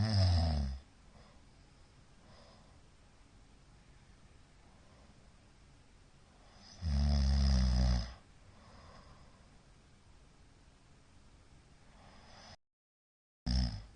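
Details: Middle-aged man snoring during sleep, recorded 2022-02-15; owner wonders about sleep apnea after a sudden gasp at the end: two loud, low rumbling snores about six seconds apart, quiet breathing between; snoring.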